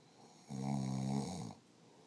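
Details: Husband's snoring, recorded as proof because he insists he doesn't snore: one loud, low, rattling snore about a second long on the in-breath, quiet room.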